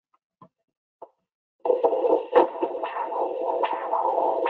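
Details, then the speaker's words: Doppler flow probe with gel on an adult demonstrator's own radial artery at the wrist: soft clicks, then a steady hiss with rhythmic whooshing surges of the arterial pulse signal. "So what I'm doing is I'm going to get a little jelly on this Doppler flow probe, and then kind of get a finger pretty good amount of it so I can get it on my radial artery, and then listen."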